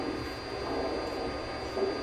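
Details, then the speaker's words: Several steady, faint pure tones ringing together over soft background hiss, recorded from the ear canal of a young woman. Finding: multiple spontaneous otoacoustic emissions. "So this is the sound recorded from the ear canal of a young woman. She's flooded with spontaneous otoacoustic emissions."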